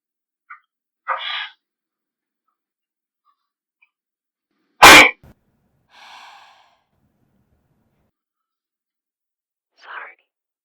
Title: Girl in front of me has sneezing fit during test! (loud)